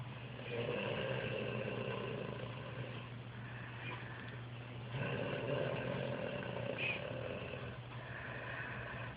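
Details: Snoring: low, droning rattle rising and falling over long breaths against steady background hum.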